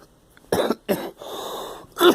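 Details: Girl, a child who may have a cold, gives three short, loose coughs with a breathy inhalation between them; cough.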